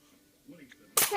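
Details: A baby about 1 month (6 weeks) old makes soft noises, then a single sudden sharp sneeze; the sneezes are described as "seizure sneezes": infant sneezing.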